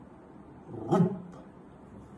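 Voiced low rumble ending in a sharp snap: an imitation of the loud first heart sound in mitral stenosis.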